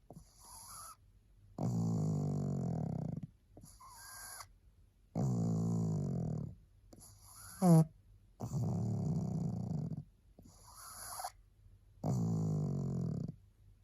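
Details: Low, rattling snores from a sleeping, very tired pug, about 17 a minute, with a brief whimper in the middle.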